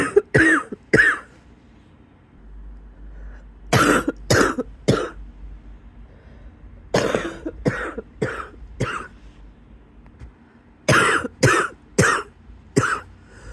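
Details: Person in bed just after waking gives bouts of harsh, wet-sounding coughs with a faint whistling edge: a wheezy cough.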